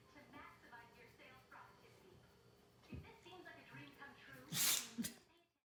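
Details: A 13-year-old female rescue dog sneezing after a simple head scratch: amid quiet background talk, a sharp snorting burst followed by a short puff; a dog's sneeze.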